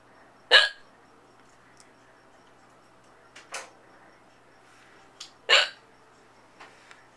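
Sharp, abrupt gulping hiccups, two loud and several softer ones over about seven seconds, in a quiet room.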